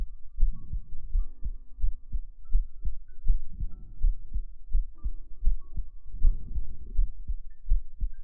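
Deep, muffled thumping beats, roughly 80 a minute, with a faint tonal hum in the background; an ordinary steady heartbeat.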